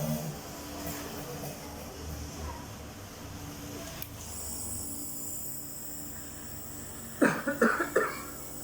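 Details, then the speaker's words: Coughing during home nebulizer therapy for flu with breathlessness and thickened phlegm: the nebulizer hisses, then a short burst of about four wet-sounding coughs; a productive cough bringing up phlegm. "melakukan batuk Hai agar encap tersebut didorong atau obat tersebut masuk ke dalam paru-paru melalui saluran pernapasan Hai dan menghancurkan dahak dahak yang sudah mengental"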